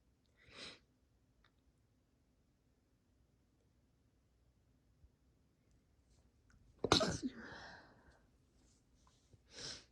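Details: Induced sneezes in a quiet room: a soft stifled sneeze, a sharp full explosive sneeze, then another muffled half-stifled sneeze; sneezing.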